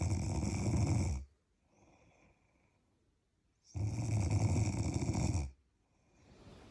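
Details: Two loud, rough snores on the in-breath, each over a second, with quiet out-breaths between, recorded while sleeping on holiday in Ireland.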